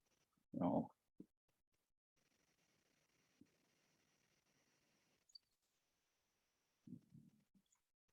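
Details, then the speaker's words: Dog snoring in the background behind a person speaking; snoring. "no if you can hear my dog snoring in the background"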